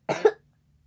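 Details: Sick child, one of two sisters making slime: one short, loose cough followed by silence.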